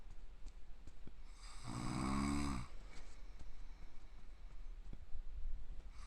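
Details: Self-deprecating clip of a sleeping father (called a "tanuki dad") snoring hugely, pig-like and screaming, not waking even when hit or his eyes are pried open: one long, loud, rattling snore with a squealing, shrill edge.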